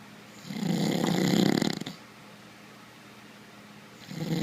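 A rattling, fluttering snore on one breath, then a pause and the start of the next. Snoring.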